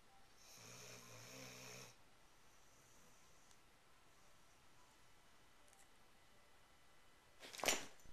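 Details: Snoring: a single buzzing, rattling inhaled breath in a quiet room, followed by a brief sharp noise.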